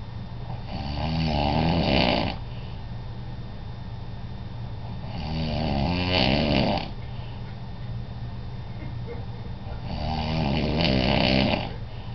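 Loud rattling snores on each in-breath, three in about twelve seconds, roughly 15 breaths a minute, with quieter breathing between.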